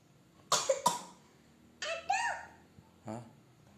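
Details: Young child coughing with a few short, dry coughs in two quick pairs and a final single cough after climbing on a table; she won't stop eating ice cream, blamed for the cough.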